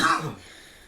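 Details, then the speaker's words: Adult man with a persistent, horrendous cough that has kept him ill: a single short, harsh cough burst fading quickly into quiet room noise. "Just work. Persisting with this damn cough."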